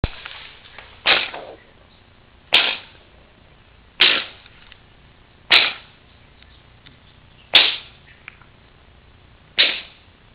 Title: coughing